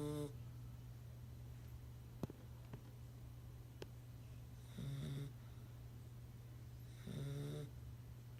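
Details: Sleeping 9-week-old pit bull puppy snoring: short, buzzy snores every two to three seconds over a steady low hum.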